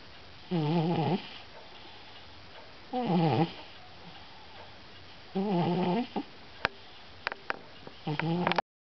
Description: Stimpy the cat is still sleeping and snoring....